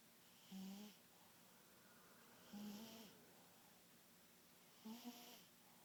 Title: Speedy Snoring